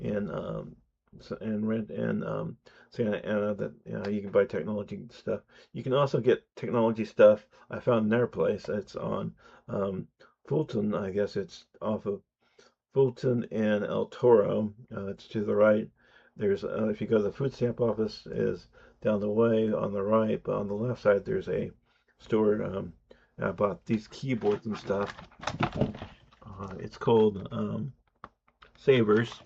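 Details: Adult man who says he has an audible speech impediment; speech impediment.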